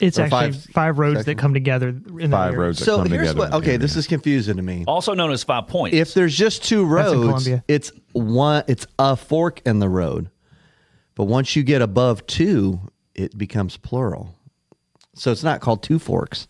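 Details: Adult male speaker; normal speech.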